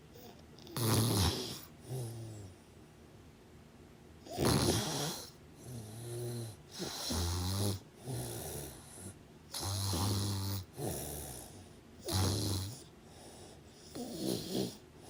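Loud, rattling snores on the in-breaths with some fluttery, snorting out-breaths, about eight breaths in fifteen seconds: heavy snoring.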